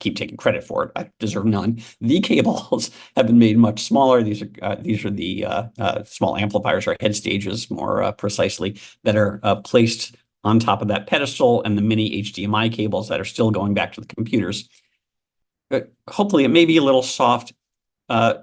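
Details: Adult male speaker; Normal speech.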